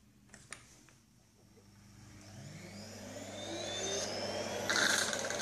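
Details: Nosiboo electric child nasal aspirator running in a demonstration, suctioning water and then thick hair gel as simulated secretion rather than a real child: faint clicks, then motor whine rising in pitch and loudness.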